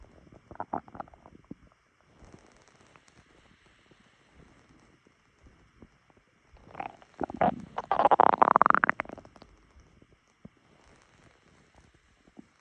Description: Woke up to my stomach rumbling.